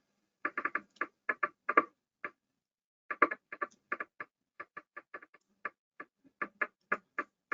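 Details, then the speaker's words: Needle EMG in a motor neuron disease lecture: pops arriving in close pairs, a little second potential heard like a split heart sound; double (extra) discharges, also seen in normal people, non-specific. "i think they're kind of fun and that's that little second potential you see occurring there you hear it as a like a split heart"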